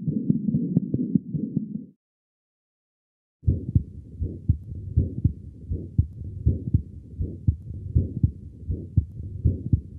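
Child's heartbeat with a harsh, rumbling murmur filling the gap between beats, from a small muscular ventricular septal defect.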